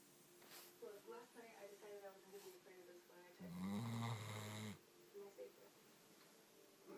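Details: Puppy asleep 10 minutes after a long walk: one loud, rough, buzzing snore standing out from softer breathing in a quiet room; snoring.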